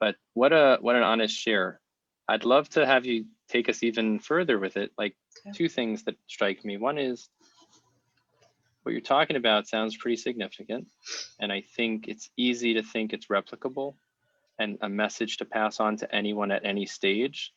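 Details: Adult male speaker; normal adult speech.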